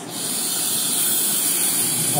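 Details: Oxygen cylinder prepared for a COVID-19 patient, humidifier filled with water and mask attached; main valve opened, giving a steady strong hiss of gas rushing out that builds then holds level.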